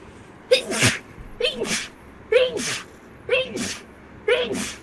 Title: girls sneezing rapidly. #12.|| rapid sneeze.